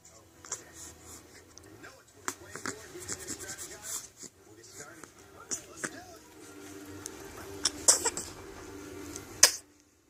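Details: Hiccups.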